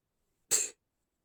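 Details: One brief, hissing, held-back burst of air: an induced, stifled sneeze.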